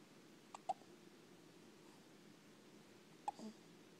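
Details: Person with hiccups: soft, abrupt hiccups in a quiet room, a pair close together and then another about three seconds later.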